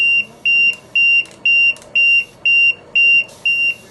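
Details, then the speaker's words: LTV 1200 ventilator: steady, evenly spaced high beeps about two per second from a loose pressure line, not the patient circuit or ET tube, while the patient still gets breaths; ventilator disconnect alarm. "In this case, patient is still getting the breath, but it's going to keep on telling you there's a disconnect in the system."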